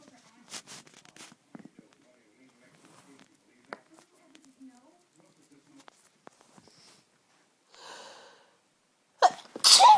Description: lots of strong tickly cold sneezes..... all from the one fit